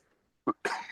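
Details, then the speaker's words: Adult with a lingering residual cough a week after the flu (jokingly called a smoker's cough): two short cough bursts, post-viral cough. "Sorry, we had the flu like last week, and that cough, just the residual cough, will not go away."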